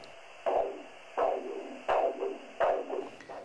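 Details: Rhythmic whooshing arterial Doppler pulses about 85 a minute over the arm artery, with steady background hiss, while a blood pressure cuff is slowly deflated to find systolic pressure during ankle-brachial index testing for peripheral arterial disease.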